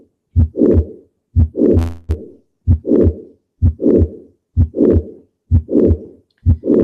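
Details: Regular heartbeat about 63 a minute, each beat a sharp click then a blowing systolic murmur, mitral valve prolapse.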